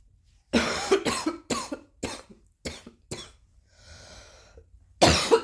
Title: and coughing again